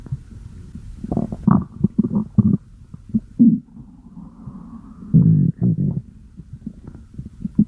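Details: Low gurgling rumbles and bubbling bursts in irregular runs; ordinary stomach growling (borborygmi) from gas and fluid moving through the gut.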